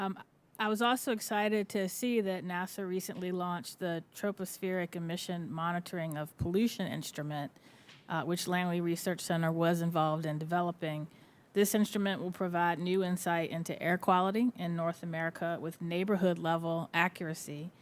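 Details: Adult woman speaking; Normal voice.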